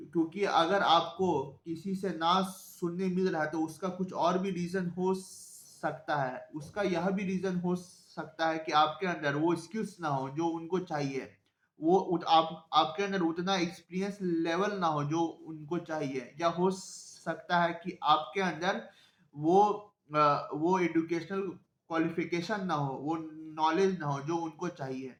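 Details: Adult man who self-identifies as a person who stammers, speaking Hindi; stuttering.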